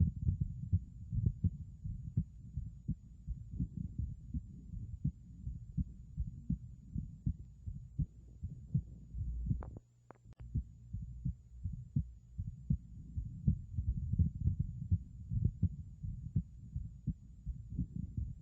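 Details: Stethoscope heart sounds, rate near 83 a minute, with extra noise between beats; bicuspid aortic valve (BAV), an abnormal heart sound.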